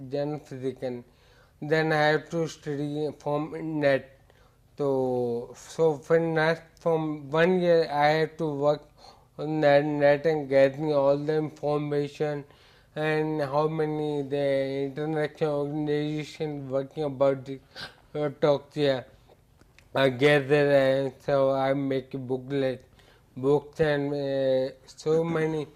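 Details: Adult male patient with ataxia affecting speech, balance, posture and gait; ataxic dysarthria, described by a neurologist as scanning speech.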